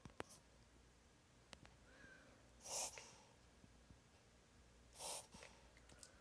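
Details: Pet reverse sneezing, an episode lasting about 5 minutes, longer than usual: two loud, harsh snorting inhalations a couple of seconds apart.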